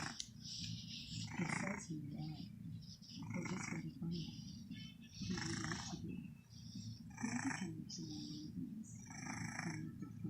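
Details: Baby kitten snoring loudly for its size: soft, noisy snores at about 30 per minute over low room noise.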